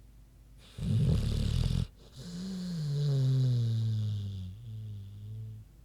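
A sleeping pig gives a harsh snorting breath, then a long, drawn-out, droning snore that fades away.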